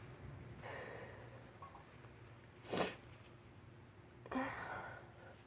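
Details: Spring allergy sneezing on a windy March day, pollen suspected: two sharp sneezes with sniffing and nasal breathing between.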